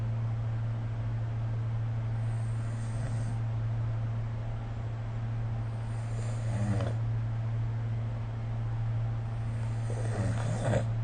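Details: Soft, rough breathing noises recur about every four seconds over a steady low hum; mild snoring during sleep, recorded with the SnoreLab smartphone app.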